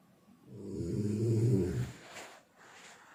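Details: One deep, low, rumbling snore lasting about a second and a half, then quiet; snoring.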